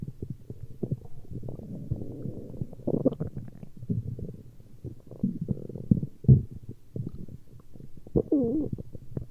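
Low, irregular gurgling and rumbling with short squeaky rises, typical of ordinary stomach growling from gas and fluid moving through the gut.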